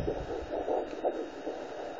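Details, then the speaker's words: Rapid, rhythmic whooshing pulses over faint static from a home handheld Doppler with gel on a pregnant woman's abdomen, fetal sex not yet known; fetal heartbeat on Doppler. "so you guys are wondering what that sound is um that's the baby's heartbeat so i have a doppler that you put on your stomach"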